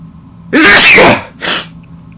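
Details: Adult male, recorded sneezes: one loud, explosive rush of air followed by a shorter second burst; sneezing.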